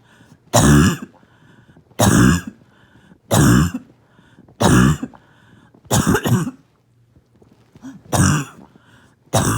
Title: Barking Cough #3